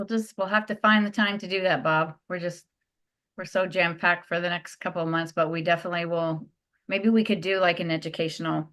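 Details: Adult speaker in a meeting; normal speech.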